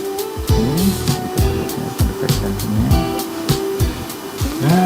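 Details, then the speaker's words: Doppler/ultrasound fetal heartbeat at two months of pregnancy: rapid, regular whooshing pulses, partly covered by music; rhythm regular, reasonably strong, judged normal, pregnancy developing well. "sudah kelihatan bagus tuh wis bagusak jantungnya normal e normalnya dari Iya frekuensinya teratur oke ya dan cukup kuat ya"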